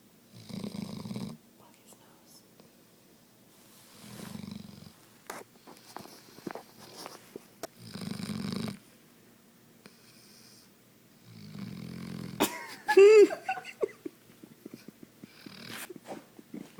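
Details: Regular low, rattling snores about every 3.5 seconds, roughly 17 breaths a minute, with small clicks and snuffles between; ordinary snoring.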